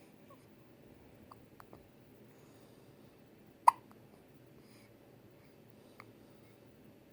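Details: Infant in hospital: a sharp, clear hiccup, then a fainter one a few seconds later, against quiet room hum; infant hiccups.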